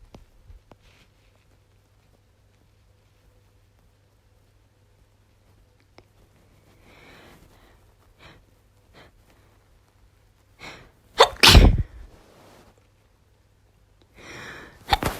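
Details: Female university student with a cold (sniffly, losing voice, cough) sneezing: sniffs and catching breaths build up to a loud sneeze, then another begins at the end.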